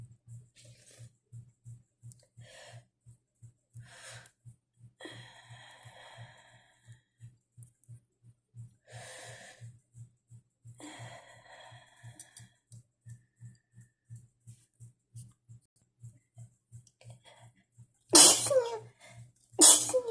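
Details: Breathy, hitching inhalations over a steady soft background pulsing, ending in two muffled sneeze bursts; stifled, held-back sneezes after cleaning dust.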